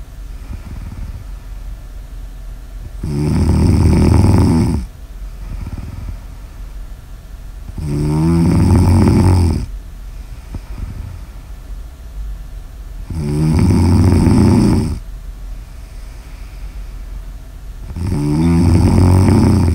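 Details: Low rattling snores from a sleeping person about every five seconds, roughly twelve breaths a minute, with quiet exhalations between, in a snoring ASMR recording; snoring.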